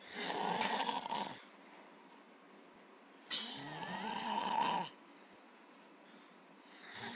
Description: Came home and my brother was snoring... He never does that!